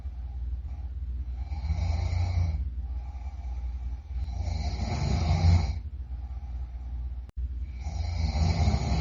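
Loud, low rattling snores on each breath in, about three breaths over nine seconds with quieter gaps between: heavy snoring.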